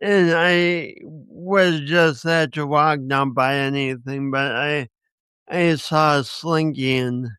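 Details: Speech impediment in a man who also has coordination issues; he says he has not overcome it.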